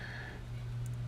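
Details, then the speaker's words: Steady low electrical hum like a running microwave with a faint brief tone, simulating tinnitus after traumatic brain injury; headphones and white noise are used to counteract it. "sort of it's got this weird you know overlay almost echo like quality to it and this is representing tinnitus which I use these headphones and white noise to try and counteract"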